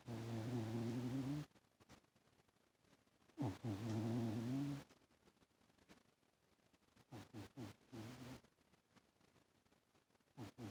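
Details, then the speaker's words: Cat sleeping on owner's lap, rolling over, snoring loudly: low rattling snores on each in-breath, about 18 breaths a minute; snoring. "Do you hear snoring? He's sleeping on my lap, rolling like that and snoring."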